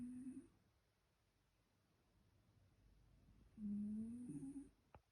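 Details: Cat snoring loudly: a low, buzzing, slightly tonal rattle with quiet breathing between snores.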